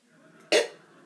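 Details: A single short, loud, throaty belch during a burping contest, over faint room noise; burp.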